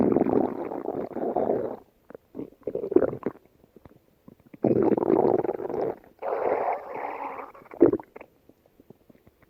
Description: Here's a special stomach growl video just for you!